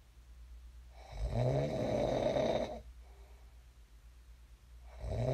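A long, rough snore on the in-breath, then a quiet pause before the next snore begins. Ordinary snoring in sleep.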